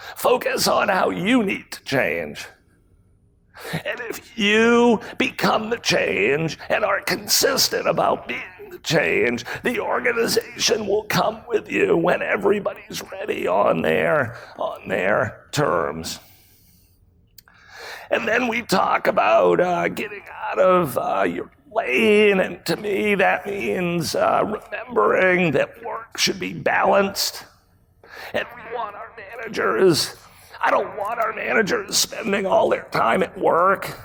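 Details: Real case: a male CEO who acquired the rare voice disorder spasmodic dysphonia in 2010. His throat muscles spasm and contract when he talks, sometimes making speaking difficult. Recorded at a 2018 talk. Finding: spasmodic dysphonia.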